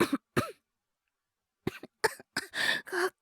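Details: Acted cough by a voice actor playing a young boy with a cold: several short, dry coughs and throat clearing after a pause.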